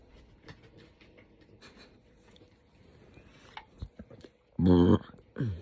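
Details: Adult woman after eating too much spicy food, with an upset GI system and hiccups and burps at the same time. Quiet room, then a loud, long, voiced belch with a second one starting.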